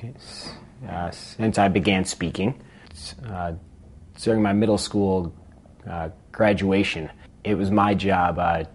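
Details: Adult man who has stuttered since he began speaking, with a mother who also stutters; stuttering.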